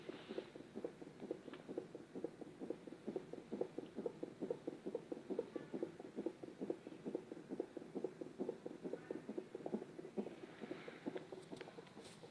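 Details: Fetal heartbeat on Doppler: fast, regular whooshing thumps at about 133 beats per minute, galloping rhythm of baby heart tones.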